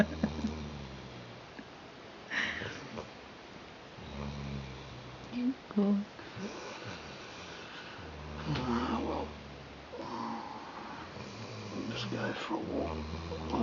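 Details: 8-month-old Rhodesian Ridgeback pup (Kim), ridgeless, sleeping while people talk nearby: low rumbling snores with breath sounds, about six breathing cycles, with some background noise.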